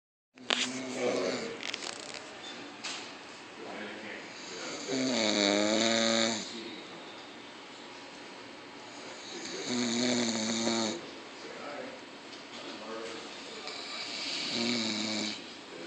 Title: Wow! Man sleeping at hospital snores away!